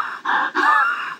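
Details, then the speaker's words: Imitated expiratory wheeze in a pediatric IMCI cough and difficult-breathing assessment: normal inspiration followed by breathy, whistling outward breaths with a thin musical tone during expiration. "ايه هو الويس يا شباب؟ نسمعه كده الويس مع بعض ونقول عبارة عن ايه. شايفين expiration سامعينها expiration expiratory sound حاجة صوت بيطلع during expiration"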